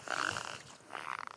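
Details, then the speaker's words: Adult woman with trisomy 21 (Down syndrome) grinding her teeth, attributed to ill-fitting jaws she unconsciously tries to realign all day: two short bursts of gritty, grating scraping; bruxism. "Ce bruit, c'est elle qui grince des dents. Un réflexe fréquent chez les porteurs de trisomi."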